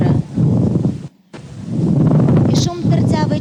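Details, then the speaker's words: Pleural friction rub played in an auscultation teaching lecture, heard through a stethoscope on both inspiration and expiration and louder when pressed to the chest: coarse, grating, creaking low sounds in two bursts. "А зараз ви чуєте шум тертя"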